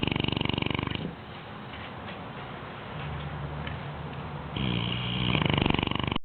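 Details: Sleeping 6-month-old Bloodhound puppy: loud, rough, fluttering snores on each breath, with a quieter breath between them; ordinary snoring.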